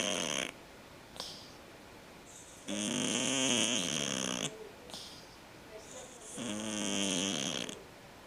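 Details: Two long, rattling, buzzy snores with quieter whistly breaths between, about 18 breaths a minute, from a sleeping cat; snoring.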